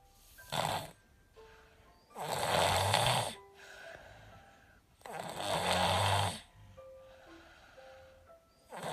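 Loud, rough snores on each breath, about 19 a minute, with quieter breaths between; music plays in the background. Snoring with a cold.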